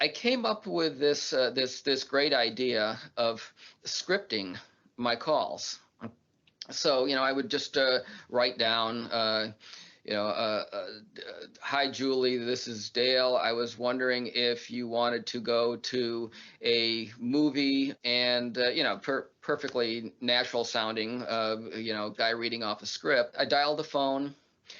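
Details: Adult man who stutters; stuttering.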